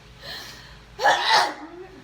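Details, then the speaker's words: Single sharp explosive sneeze after a quick in-breath, from a woman sneezing repeatedly while peeling off a blackhead peel-off mask; sneezing. "I keep sneezing. I know it's not funny, but it's funny."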